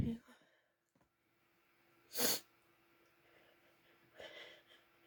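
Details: Strong, forceful, breathy, wet sneezes from an adult; a normal reflex clearing an irritant from the nose.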